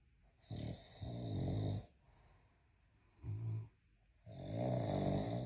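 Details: Loud, rumbling low snores in long breathing cycles with quiet pauses between, from a sleeping giant Mastiff dog; snoring.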